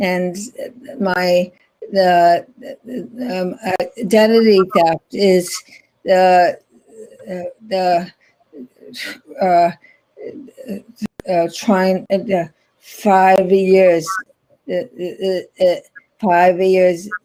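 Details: Non-fluent aphasia in an adult woman after a stroke in 2010, about 10 years earlier, still in ongoing speech and rehabilitation therapy.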